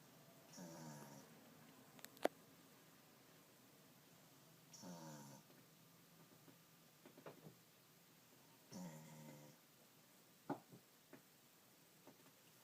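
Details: Sleeping dog snoring: soft rattling snores, about three breaths in twelve seconds, in a quiet room; ordinary snoring.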